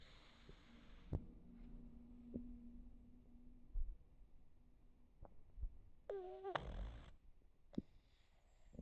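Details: Small pug dog drifting off to sleep, relaxed, with quiet low rumbling breaths, a faint steady whistling tone and a brief high squeak: soft snoring.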